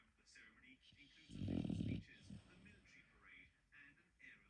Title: Sleeping with a loud snoring 😴 and immediately waking up😂😂